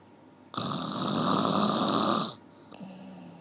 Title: 1 Hour Snoring เสียงกรน 1ชั่วโมง